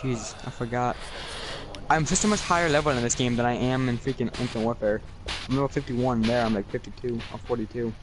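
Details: Male with abnormal ears at birth and deafness for about three years in early childhood, so he learned to speak incorrectly; a friend calls it a little speech impediment; speech sound disorder after early childhood hearing loss.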